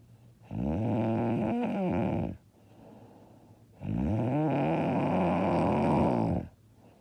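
Two long, loud, rattling snores on breathing in, separated by quiet breathing out; heavy snoring during sleep.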